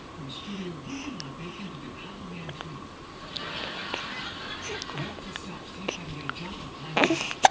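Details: Person with hiccups: short, sharp hiccup sounds repeating about every second, with Spanish conversation in the background; hiccups.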